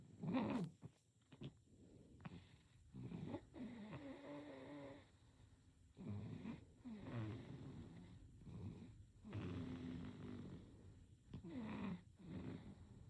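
Soft, irregular snuffly snores and nasal rattles with each breath of a sleeping baby.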